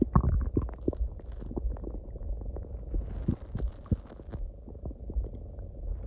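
Low rumbling and gurgling with irregular pops and bubbling from the belly; loud stomach growling, a normal digestive sound.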